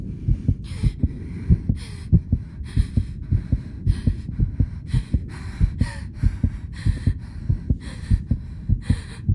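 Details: Simulated sound effect of a cartoon character's heartbeat: steady, fairly quick thumps at about 95 a minute with rhythmic heavy breathing; normal heartbeat.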